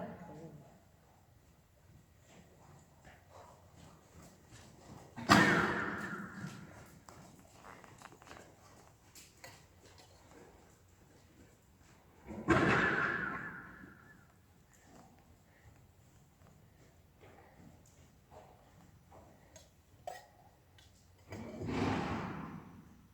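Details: A person gives three loud, harsh coughs during the warm-up, spaced several seconds apart, against quiet background noise: cough.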